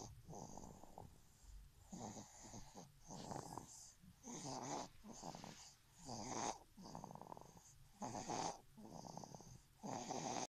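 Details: Sleeping dog snoring: rhythmic snorting, whistling snores at roughly 30 breaths a minute.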